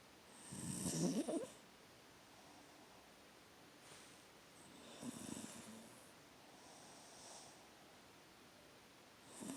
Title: My Sister Snoring Like A Pig!😆🐽💤